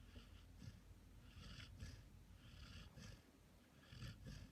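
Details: Bernese Mountain Dog snoring while asleep after a hard day of play: low, rumbling snores with soft snorting breaths, about one every second.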